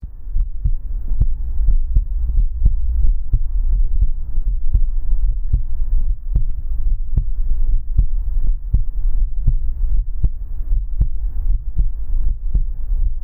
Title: Come into my arms and listen to the sound of my heartbeat